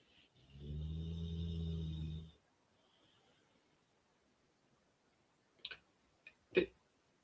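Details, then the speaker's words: Snoring so loud that the walls seem to shake: a single loud, low, rattling snore lasting about two seconds, then quiet room noise and a few brief knocks. "Can you hear? My walls are shaking. She is snoring so badly."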